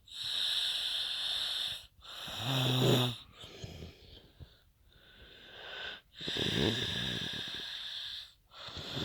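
Loud, harsh breathing sounds with whistling hiss and low rattling buzz on inhalation, separated by brief pauses; noisy snoring.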